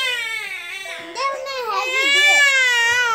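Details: One-month-old baby boy crying during tummy time: sustained loud, high-pitched wailing with a brief break and a rising, strained note; infant cry.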